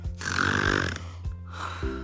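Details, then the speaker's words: A person snoring: a loud, rattling inhaled snore followed by a quieter breath, with background music. "rick is really good at snoring very good"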